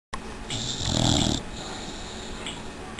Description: 6 month old Old English Bulldog Chica snoring in her sleep